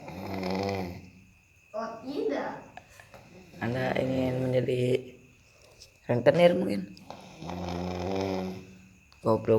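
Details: Loud, rough, voiced snoring in repeated cycles about every 1.5 seconds, with a growling, pig-like quality; heavy snoring.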